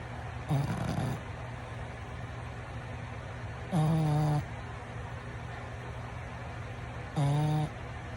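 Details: Pug dog snoring: three nasal, reedy snores about three seconds apart over a steady hum.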